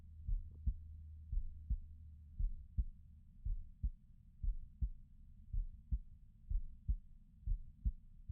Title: This is my heartbeat sounds